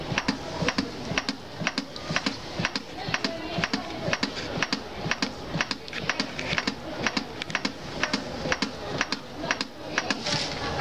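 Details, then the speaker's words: Chest compressions of CPR continuing after a public access defibrillator delivered a shock: steady rhythmic clicking thuds at about 120 a minute. "so we would carry on doing CPR for two minutes until the Machine told us to stand clear"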